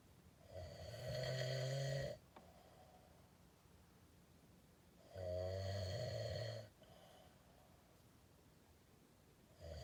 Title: 😮💤Man snoring very loud💤😮